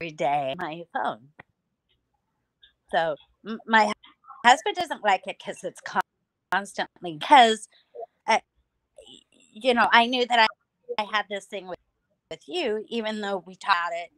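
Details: Aphasia in an adult female stroke survivor, about nine years after two hemorrhagic strokes caused by a carotid artery tear; she lost speech and relearned talking with a speech pathologist using singing.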